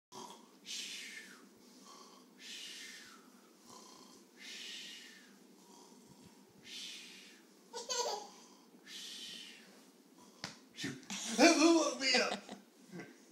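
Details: A father snoring: rhythmic, rough, noisy breaths about every two seconds, with a louder snort and stirring near the end; snoring.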